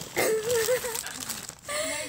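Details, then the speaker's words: Loud whistling, wheezy, noisy labored breathing from a dog with her head stuck in a plastic tortilla-chip bag, plastic crinkling; she is then freed for fear she will pass out from not breathing. "Aspen. What are you doing? You can hear her breathing, it's so loud."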